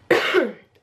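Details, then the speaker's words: Single short, dry, slightly throaty cough from an adult with COVID-19 who reports mostly throat clearing and one-sided discomfort; he demonstrates it as his typical cough. "the worst thing about it is definitely the fact that that that's how i'll cough that's literally the cough that i've got"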